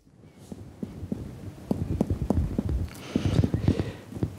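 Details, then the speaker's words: Abdominal examination, finger percussion moving from the left abdomen toward the right upper abdomen: a quick run of hollow taps giving a tympanic note, the normal sound over gas-containing bowel. "it is in this area at impanic percussion that is we are recruiting aerial areas with the presence of gas inside viscera left"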